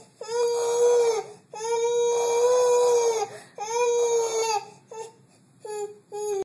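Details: Sustained high-pitched infant crying in long wailing bursts separated by brief breaths, then shorter cries; an ordinary baby cry.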